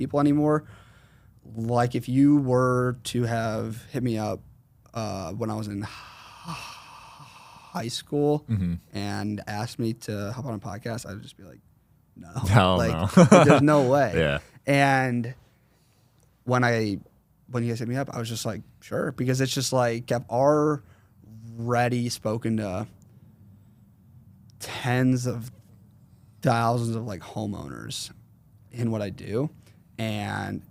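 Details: 21-year-old man with a severe stutter since fourth grade; severity varies and is worse when he consciously processes what he says; stuttering.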